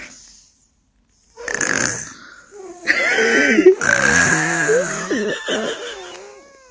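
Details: A young child imitates how daddy sleeps with rough, snorting snore sounds, some voiced squeals and laughter. This is imitation snoring.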